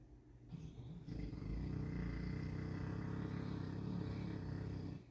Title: Titi was born with a bit more tongue than avg dog and this makes he a heavy snorer ! #boerboel